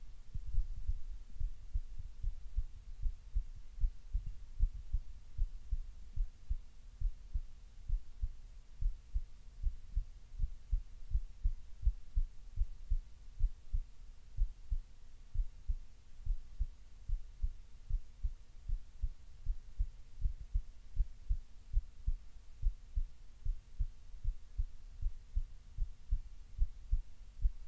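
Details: Relaxed person's heartbeat, steady low thumps at about 76 a minute over a faint steady hum, still a little fast; slightly fast heartbeat.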